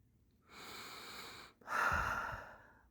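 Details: An adult with collapsing nostrils, before using a nasal breathing device: a harsh, noisy snorting inhalation through the nose, then a calmer breath; obstructed nasal airflow.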